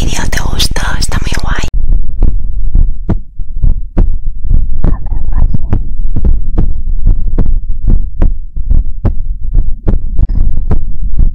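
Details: Heartbeat recording made for ASMR relaxation: regular low thumping heartbeats at about 90 a minute after a brief rustle at the start; steady normal rhythm.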